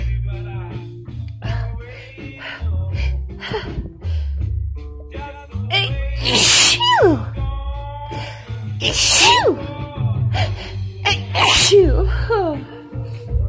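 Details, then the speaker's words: Adult with lingering cold and allergies has a strong sneezing fit while a tickle remains. "It does feel good to get them out, and there is still quite a tickle though. Oh, fucking sneezing fits."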